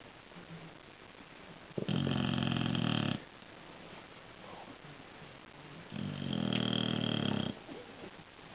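Two long, loud rattling snores on inhalation with quiet pauses between, typical of a flat-faced dog's snoring.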